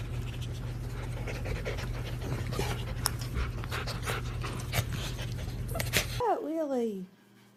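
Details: A dog, said to be sneezing a lot in a live video, breathes rapidly and noisily without pause, ending in a brief whine; panting.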